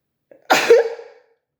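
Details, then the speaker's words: Adult, while speaking, apologizes for being about to sneeze: a faint catch of breath, then one sharp explosive burst of air from nose and mouth with a brief vocal tail, a single sneeze. "Pardon, je vais éternuer."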